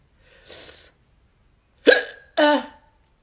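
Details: Adult gets hiccups after eating a hot sauce made with Carolina Reaper, Red Savina and habanero peppers: a soft breath, then two abrupt voiced hiccups in quick succession; involuntary hiccups.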